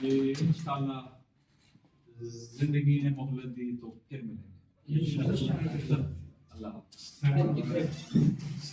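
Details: Adult man who has overcome stammering speaks using his taught fluency techniques: deliberate long pauses, projected voice; stuttering controlled with fluency techniques.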